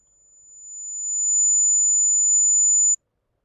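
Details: A single high-pitched pure tone rises steadily in loudness, then holds and stops abruptly; online hyperacusis test over calibrated headphones, testing each ear separately for the lowest discomfort level (LDL).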